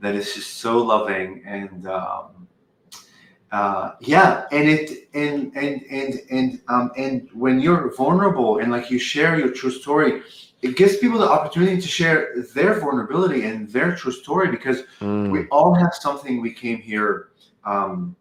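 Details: Adult woman who has stuttered for 20 years or more; she says she does not stutter when channeling; stuttering.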